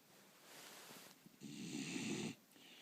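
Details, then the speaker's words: A sleeper is urged to stop snoring: a single harsh, snorting snore of about one second, with faint room noise before and after; snoring. "а Лилю ну посмотри Ну хватит храпеть Посмотри в"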